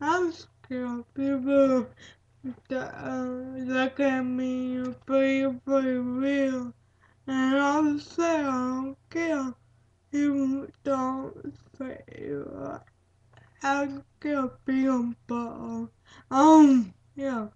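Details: Dysarthric speech in a speaker with cerebral palsy, with broken, hard-to-recognize words and repetitions.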